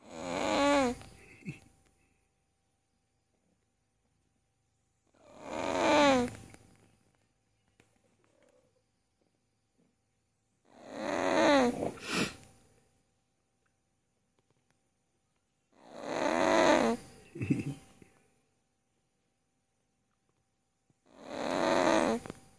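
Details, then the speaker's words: A sleeping cat snores loudly in slow, regular bursts, about eleven snores a minute; snoring. "suka mendengkur itu Meti sama Tata keras mendegurnyati"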